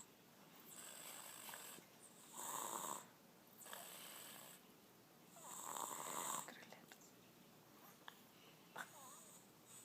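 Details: Sleeping baby girl snoring: airy, hissing snores on repeated breaths, roughly one every two seconds, with a whistling edge.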